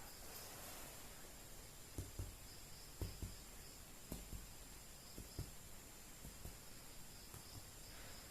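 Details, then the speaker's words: Finger-percussion taps down the right chest along the midclavicular line of a 40-year-old male factory worker with chronic cough, note shifting resonant to dull at the lung–liver border, skills-lab exam. "apabila kita telah menemukan bunyi pekak itu biasanya ada pada setinggi icxc 5/6 Yah itu merupakan batas dari paruh dan hebat"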